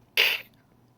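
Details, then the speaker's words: A person imitates kennel cough in 8 to 12 week old puppies: a single short, harsh, honking burst of breath, like a backwards sneeze or cough. "did somebody hear the puppy sneeze uh was that like a backwards like cough you know um if you hear that you need to let us know immediately"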